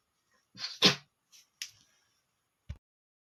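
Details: Adult male sneezing: a quick indrawn breath and one sharp, explosive sneeze, then softer hissing blows of air through the nose (nose-blowing).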